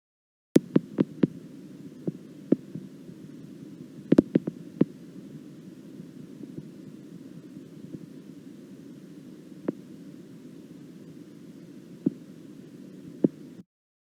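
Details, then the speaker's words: Needle EMG recording of fasciculation potentials: irregular, isolated sharp pops over a steady low hum, spontaneous, not under voluntary control, firing singly unlike rhythmic normal motor unit potentials. "in the next slides I'll show you some examples of EMG traces containing vesiculation"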